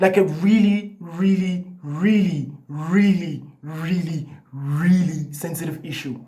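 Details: Adult man who has stuttered all his life, in therapy for about a year and a half, doing breathing exercises and attending a support group, so the stutter may be partly masked; stuttering.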